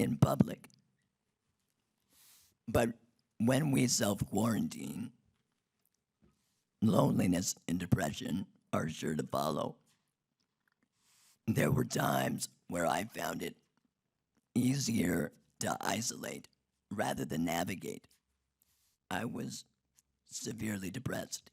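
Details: Adult man whose larynx was removed in 2016 due to long-term radiation damage from cancer treatment 19 years earlier, speaking with an artificial voice and breathing through a neck stoma; alaryngeal speech after total laryngectomy.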